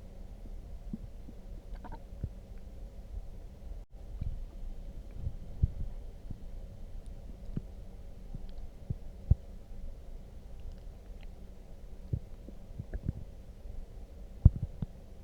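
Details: Loud stomach growling after drinking coffee: low, irregular gurgles and rumbles with scattered sharp pops; harmless borborygmi.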